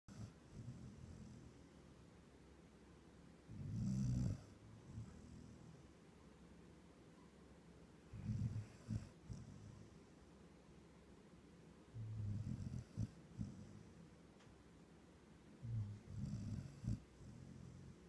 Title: Kona snores